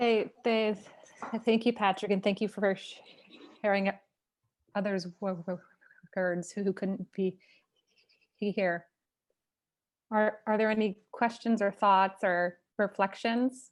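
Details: Stuttering in a person who stutters hosting a stuttering community event; part-word repetitions audible.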